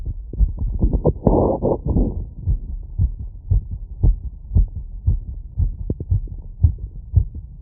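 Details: Normal heart sounds with tachycardia at 150 bpm after a 3 km run, recorded with a wireless stethoscope (membrane, funnel, all frequency modes) over pulmonic, aortic, mitral, tricuspid areas and Erb's point, standing slightly tilted.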